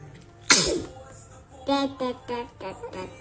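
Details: An infant sneezes: a single sharp, explosive burst of air followed by a few short, high-pitched baby vocal sounds.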